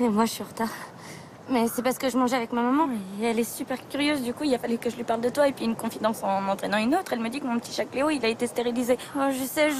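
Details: Adult woman, actress; normal speech.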